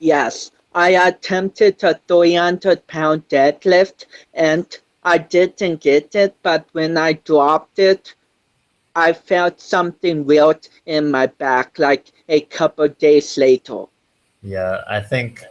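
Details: 25-year-old man with cerebral palsy since birth, which he says affects his balance, coordination and speech; doctors had told him he would never walk; real speech; dysarthria (cerebral palsy).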